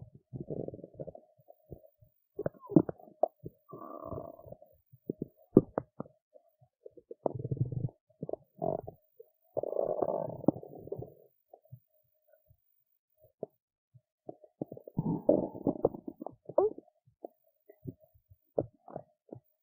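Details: Irregular gurgling and rumbling bursts with quiet gaps from the belly of a woman who skipped lunch and is hungry; normal hunger stomach rumbling (borborygmi).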